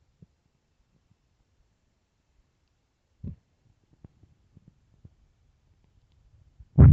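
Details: Hungry stomach growling: quiet stretches broken by low, short gurgles and a louder rumble at the end.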